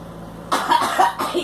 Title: Girl licks cigarette and coughing